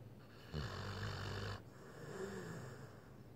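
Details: Blue Pit Bull dog in deep sleep snoring: one loud, rumbling, human-like snore on the in-breath, then a softer breath out.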